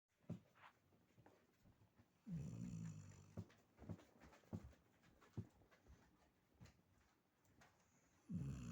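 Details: Older female dog with incurable pemphigus foliaceus and a carcinosarcoma that was removed, sleeping deeply: low, rumbling snores on inhaling, with soft snorts and breath noises between them, in a quiet room. Dog snoring.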